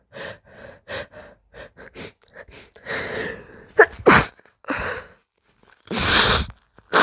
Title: Build ups and hitching leads to a few moist sneezes #sneeze #sneezing #snz